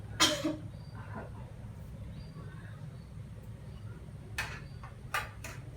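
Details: A few short, deliberate coughs on breathing out, separated by quiet pauses, from a young child after three deep breaths held for a count of three; guided effective cough with chest physiotherapy to clear airway secretions.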